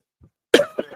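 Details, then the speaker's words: Single abrupt cough burst with a brief trailing sound, from a speaker who says he is properly ill and may have made it worse with coffee; a plain cough. "I'm genuinely, as you'll hear through this thing when I start coughing, proper ill."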